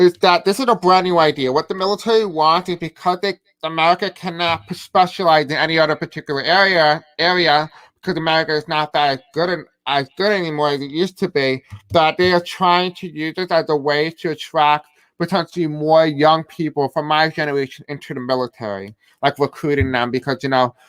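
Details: Deaf speech in a man who describes himself as having a deaf accent.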